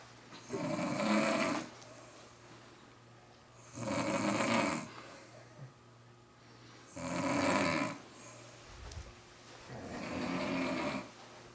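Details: Mother snoring hard, passed out after a long night of drinking: four loud, rough, rattling inward snores about 19 a minute, separated by quiet exhalations, in a small room.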